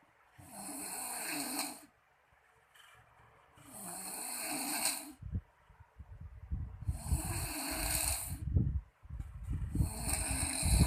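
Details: Man caught by his wife snoring really loud in sleep: loud, rough, rattling snores on breathing in, about four breaths over eleven seconds, with quieter breathing between; snoring.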